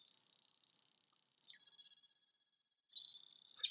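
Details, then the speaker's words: Ear reflex point stimulator/detector (Stim Pole Plus), non-invasive, on external ear: steady high electronic tone stepping up in pitch as the probe passes over an active reflex point. "the part of the body represented by that region of the ear again will hear that sound pitch going up so it will sound like this"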